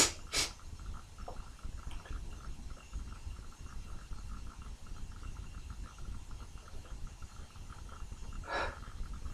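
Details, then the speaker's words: Sneezing, Wednesday morning: two sudden explosive sneezes, one at the start and one near the end, with quiet room noise between; messy, spraying sneezes. "Everything's getting absolutely caked in spray."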